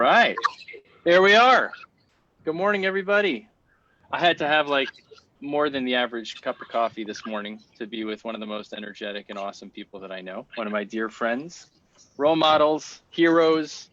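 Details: Adult male speaker; typical speech.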